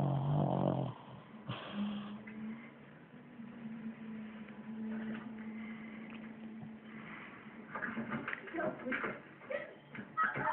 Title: Pug snoring